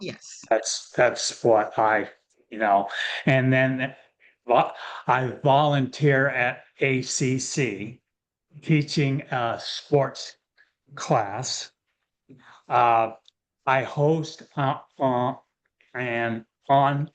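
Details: Real adult male with aphasia following a stroke; early after onset he could not speak at all; aphasia.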